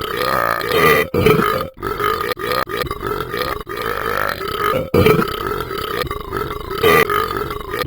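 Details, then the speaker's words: Burping in a dog after eating beans: repeated low, drawn-out, rumbling belches with brief breaks between them. "I knew I shouldn't have eaten those beans."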